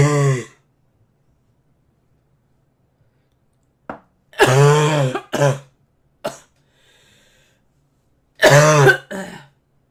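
A child gives one short cough, then a few more single and paired coughs after a pause, in a quiet room.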